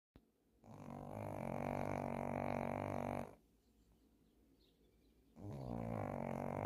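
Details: Snoring: a sleeping female dog with loud, deep, rumbling snores on the in-breath, each lasting a few seconds.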